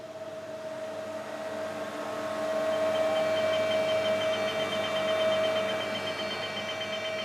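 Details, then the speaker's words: Linear accelerator delivering radiotherapy, continuously shaping the beam with millimetre leaves: steady mechanical hum with a high whine and fast pulsing that swells in loudness. "La machine adapte en continu le faisceau du traitement à l'aide de lames millimétriques."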